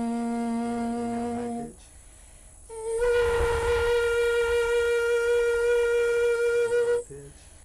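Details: Adult woman during laryngoscopy (endoscope through nose and nasopharynx viewing the vocal cords) producing sounds at different pitches; vocal cord tension and thickness change with pitch. Normal phonation at varying pitch.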